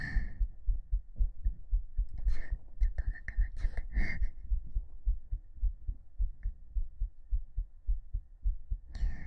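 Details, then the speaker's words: Heartbeat recorded on a 3Dio binaural microphone against the chest in an ASMR session, noted as slightly fast. Regular low thumps at about 105 a minute, with rustling and brief hiss from movement; normal heart sounds. "聞こえるかな？やっぱちょっと早いかな。心臓入りました。"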